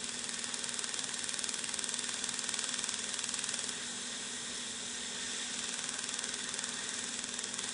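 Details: Steady, rapid hissing pulses, about 200 per minute, from a dental water laser sculpting gum tissue for smile aesthetics after spot probing, with only a little tissue removed. The sound is the pulsing of the laser energy.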